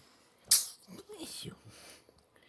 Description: 3 mth old kitten, a week after treated for respiratory infection, sneezing in effort to clear snotty nose.